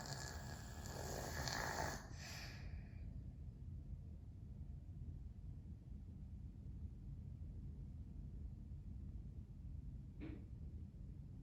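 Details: Snoring from Nike, a 13-year-old male domestic shorthair foster cat who lived four years in a shelter, sleeping in a quiet indoor home.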